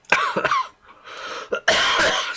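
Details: Adult live-streamer still ill with a lingering cough from the previous week: a run of harsh, dry coughs, a pause, then a second, stronger burst of coughing.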